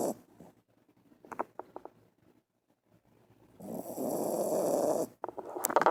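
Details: Dog sleeping deeply and snoring.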